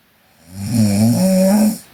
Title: Sleeping Korean Girl Snoring (PNGK) Part 3